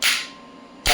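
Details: Two sharp, loud pops less than a second apart: single shots from an electromagnetic shockwave therapy applicator on a small joint, self-demonstration.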